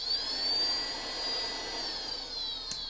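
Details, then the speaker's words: Budget DIY ventilator alternative built from a CPAP-style Arduino-controlled blower in BiPAP mode: a steady high motor whine rising and falling as it oscillates between two pressure levels at 16 cycles per minute, an average breathing rate. "if you double-click it it now goes into a BiPAP where there's two different levels that the motor is oscillating back and forth between it's currently programmed at sixteen cycles per minute which is kind of an average breathing rate"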